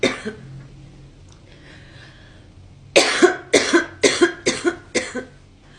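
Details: Girl coughing: a single cough, then after a pause a run of five rapid, harsh coughs in about two seconds.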